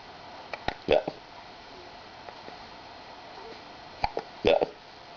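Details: Hiccups: two short, sharp hiccup sounds about three seconds apart with small clicks, quiet room background.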